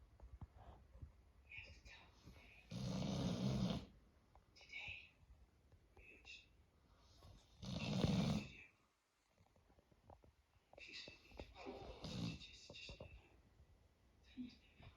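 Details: Doberman snoring while asleep: three loud, rough snores about five seconds apart, each a low rattling rush of breath, with quiet breathing between.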